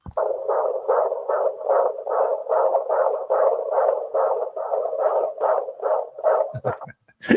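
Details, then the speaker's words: Fetal heartbeat recorded at an obstetric appointment and played back from a device inside a stuffed giraffe toy: rhythmic whooshing Doppler pulses at about 146 beats a minute. "we named him Jeffrey but uh you want to hear the baby's heartbeat"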